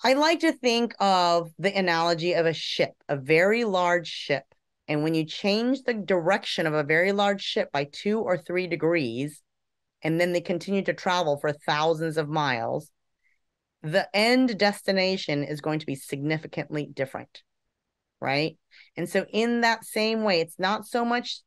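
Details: Adult speaker; ordinary fluent speech.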